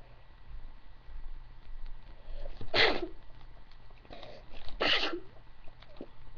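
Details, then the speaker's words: Self-induced sneezing after tickling inside the nose: two forceful sneezes about two seconds apart over a steady background hum, with eyes watering afterward. "yeah, when you use two, you sneeze twice. Just to let you know. As you can see, my eyes are watering now."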